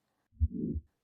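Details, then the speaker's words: Simulated aortic stenosis case on an online auscultation trainer: a first heart sound followed by a rough, low murmur filling systole, the aortic stenosis murmur. "in the case of aes you can listen to the as murmur on the neck area"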